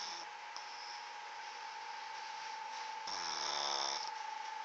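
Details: Migs snoring during sleep: one buzzy, droning snore lasting about a second over a steady high-pitched background hum.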